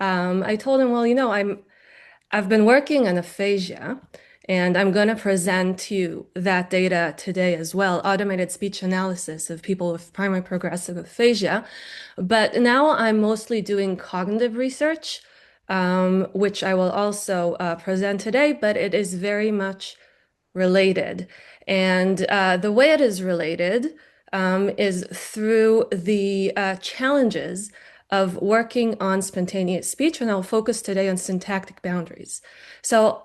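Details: Adult woman lecturing; normal speech.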